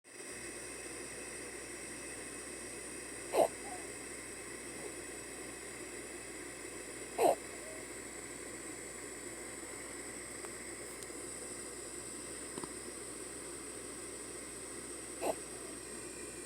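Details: Lily gasping as she sleeps: brief sharp intakes of breath breaking through quiet sleep breathing at irregular intervals; gasping during sleep.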